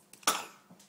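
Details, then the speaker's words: Young child with a terrible cough while having juice and a snack: a single short, explosive cough burst fading quickly; the child possibly choked. "Oh my, you have such a terrible cough."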